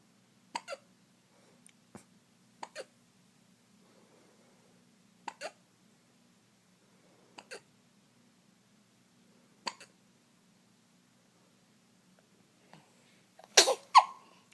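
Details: Infant boy's hiccups: five short, sharp hiccups at roughly two-second intervals in a quiet room, followed by a louder sneeze-like burst.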